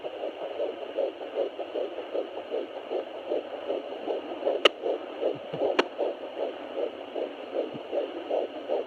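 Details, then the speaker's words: Rapid, regular whooshing fetal heartbeat, about 150 a minute, on a Sonoline B fetal Doppler at 13 weeks of pregnancy, with clicks from fetal movement; the heartbeat fades when the baby moves. "This is Skyla moving around. You'll be able to hear it because I'm not moving the Doppler at all. That's her heartbeat. That's her moving around. And she just moved, which is why the heartbeat went away."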